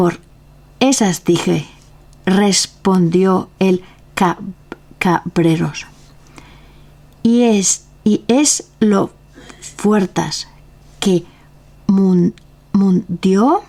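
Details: Real adult with aphasia, a member of a Spanish aphasia association, reading a classic Spanish literary text aloud in Spanish in a prerecorded reading; aphasia.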